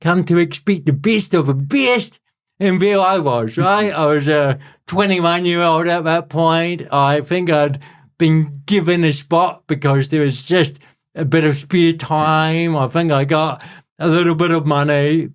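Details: Adult man with cerebral palsy present since birth; dysarthria (cerebral palsy).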